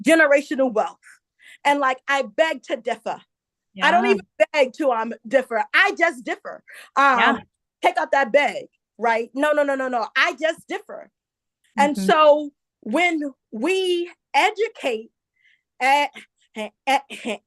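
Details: Adult woman, a self-described stutterer who stuttered a lot as a child, also reports a traumatic brain injury from a 2012 accident; stuttering.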